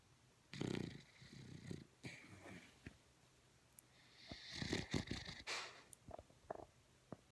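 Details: Dog in very deep sleep making irregular, rough snorting snores in uneven bursts with short quiet gaps and small clicks; owner suspects REM sleep or sleep apnea.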